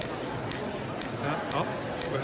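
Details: Storz Medical SPINE-ACTOR forked radial shockwave transmitter mobilizing thoracic spine vertebral joints, patient in flexed position, muscle twitches settling; sharp regular clicks about twice a second: radial shockwave therapy pulses.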